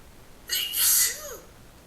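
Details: A single sharp, hissing adult sneeze with a brief intake before it, in a quiet room, from a series of 5 sneezes; poor sound quality.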